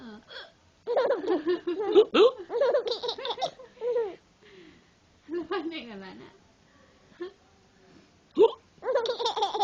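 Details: Sharp hiccup catches break up a baby's laughing and giggling as it hears the hiccups, with adult voices nearby.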